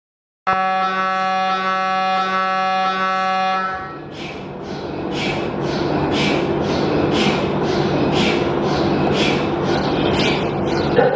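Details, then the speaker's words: MRI scanner noise played to prepare patients: a loud steady electronic tone, then rapid rhythmic knocking and buzzing during imaging. It is normal but frightening to some patients, especially those with claustrophobia. "ಕೆಲವು ರೋಗಿಗಳಿಗೆ ಕ್ಲಾಸ್ಟ್ರೋಫೋಬಿಯಾ ಇರುತ್ತೆ ಈ M R I ಮಾಡಿರೋ sound ಬಹಳ ಹೆದರಿಕೆ ಆಗುತ್ತೆ ಇದು ಯಾವ ತರ ಸೌಂಡ್ ಮಾಡುತ್ತೆ ನಾನು ತೋರಿಸ್ತೀನಿ ನೋಡಿ ಕೇಳಬಹುದು"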